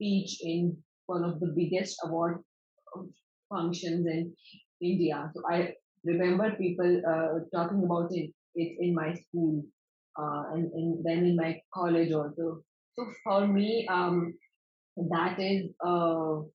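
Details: Adult man from the Netherlands who stutters, at times a lot, and still finds his stutter hard to accept; long pauses between words suggest blocks; stuttering.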